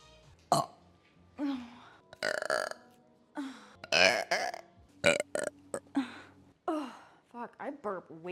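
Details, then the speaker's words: Woman in a burp compilation: a series of loud, drawn-out voiced belches, some short and choppy, one after another; ordinary burping. "sorry sorry I know you said you didn't like the burping I'm so [Music] sorry that a burp that was just chilling in my throat"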